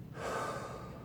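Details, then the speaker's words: Patient receiving chemotherapy takes slow deep breaths on request during a heart and lung exam: smooth airy rush, which the examiner judges clear lungs with no crackles or wheezing; normal deep breathing. "But your lungs sound clear to me. I don't hear any crackling, any wheezing."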